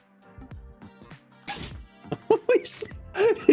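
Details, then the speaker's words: Rapid run of short, sharp nasal sneezes from a pet named Taxi, with music underneath; sneezing fit. "you guys hear that? He's sneezing. Oh, Taxi, you okay? Blessed you."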